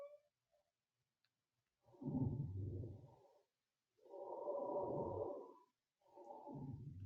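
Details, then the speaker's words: Coarse crackles in an EMT lung-sound teaching demonstration: low-pitched, wet, bubbling, fluid-sounding crackles over the breaths, sometimes called wet lung sounds. "sometimes these are also called wet lung sounds it just sounds really wet and like fluidy in there right and the low pitch just coarse crackles"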